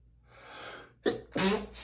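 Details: Person allergic to dust sneezing while reading aloud from a dusty book: a soft in-breath, then a sharp explosive sneeze with a second burst.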